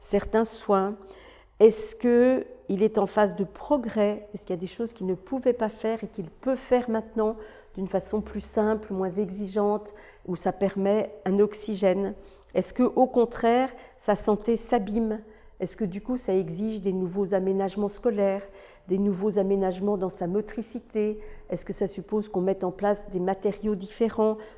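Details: Adult woman; typical speech.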